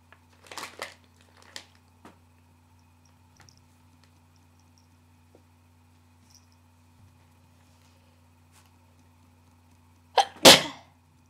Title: harsh induced Sneezes